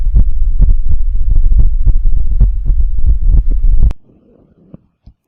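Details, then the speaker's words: Normal heart sounds, the speaker's own heartbeat via a Bluetooth digital stethoscope connected to a laptop: low, deep lub-dub thumping with a humming rumble, about four seconds. "अभी जो आपने आवाज सुनी ये है normal heart sound."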